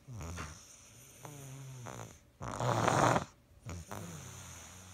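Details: Snoring during sleep in a sick individual: low, rumbling, snorting breaths with a rough, noisy in-breath in the middle.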